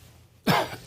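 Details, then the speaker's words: Adult man with seasonal allergic asthma (November to January) and dysphonia, coughing during a television interview. "usted me van a escuchar que tengo una disfonía pero eso es propio de la alergia asmática del mes de noviembre al mes de enero"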